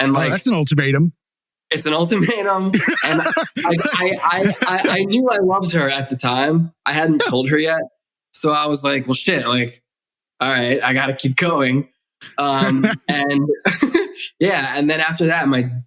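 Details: Stuttering in an adult male who has stuttered since childhood, in spontaneous conversational speech with word repetitions.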